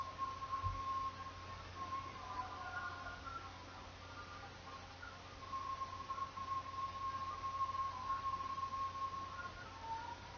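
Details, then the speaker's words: Conductive hearing loss simulation: classical music played faint, muffled and softer, as if wearing ear muffs. "The first was very clear and crisp sounding and the second demonstration sounded muffled and softer, kind of like you were wearing ear muffs."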